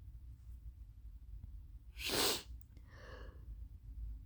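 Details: Person with repeated sneezing since equine therapy at a ranch, suspected allergy, just started newly prescribed allergy medication: a single forceful sneeze followed by a breathy exhale; sneeze.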